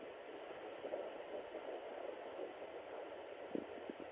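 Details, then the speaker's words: Home fetal Doppler (Sonoline B) at 10 weeks of pregnancy in a plus-size mother, found briefly: faint, rapid whooshing pulses in Doppler hiss, much faster than the maternal heartbeat heard earlier; fetal heartbeat. "Oh, I just found them for a split second. Okay. So that is the baby's heartbeat. As you can tell, it's a lot faster."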